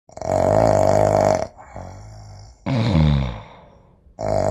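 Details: Exaggerated snoring imitation accompanying a humorous Russian poem about snorers: loud, drawn-out voiced snorts alternating with quieter breathy phases.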